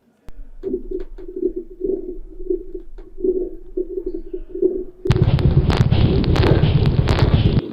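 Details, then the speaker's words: Pulmonary crackles: soft, rhythmic, lower-pitched breath sounds, then dense fine, soft crackling like Velcro pulling apart. "and you can compare the the sound of crackles with the sound of a Velcro um strap. When you when you open it, you get a sound. That's what crackles sound like."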